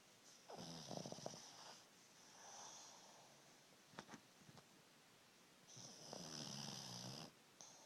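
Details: Snoring pug, a flat-faced dog asleep: rattling, snorting breaths with a raspy, whistling edge on both breathing in and out.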